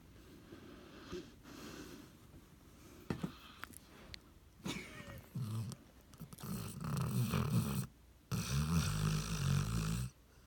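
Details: Sleeping dog snoring: low, rumbling, rattling snores growing louder toward the end, with brief gaps; ordinary snoring.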